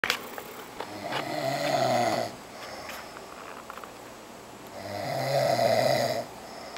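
Two loud, buzzing inhaled snores about four seconds apart, with quiet breathing between; snoring.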